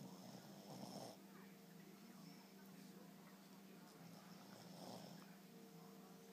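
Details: Dog snoring while asleep with her eyes open: two soft rattling breath sounds over a steady room hum.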